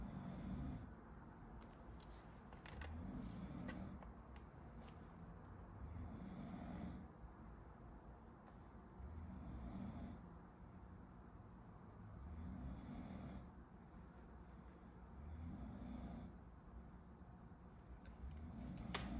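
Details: Ordinary snoring recorded in a quiet room from someone sleeping behind a medical student during a study-with-me session: low, rumbling snores about every three seconds, roughly 20 breaths a minute.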